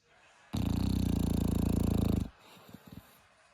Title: Snoring Dog #asmrdog #asmrsound #snoring #dog #sleep #sleeping #funny #funnydog #dogmom #dog #dogs